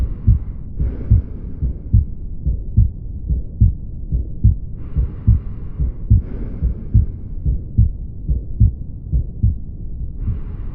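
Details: Regular paired heart sounds (lub-dub) at about 72 beats per minute on auscultation: normal heart sounds and rhythm.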